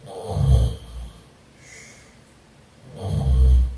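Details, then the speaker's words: Adult sleeping on their back while testing an anti-snoring product: two low, rumbling snores about three seconds apart with quiet breathing between, snoring reduced compared with before. "정자세로 자니까 코를 걸긴 고는데 후리가 많이 줄어들었고요"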